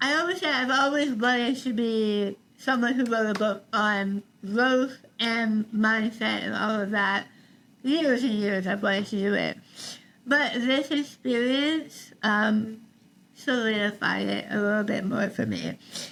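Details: Adult woman treated for stage 4 tongue cancer: over half her tongue removed and rebuilt with a forearm graft, plus neck dissection and six weeks of radiation and chemotherapy; articulation disorder after partial glossectomy, some people cannot understand her.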